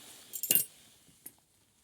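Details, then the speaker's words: Metzenbaum scissors picked up to transect the mesoappendix during a demonstration open appendectomy: brief metallic clink and jingle, then a faint tap. "Okay. I have to go in and transect this. Okay. So, Metzenbaum scissors."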